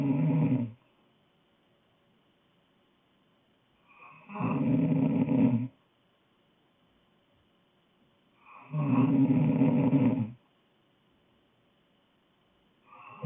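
Loud, rough, voiced snores at regular intervals, about every four seconds (roughly 14 per minute), with quiet gaps between; ordinary snoring in sleep.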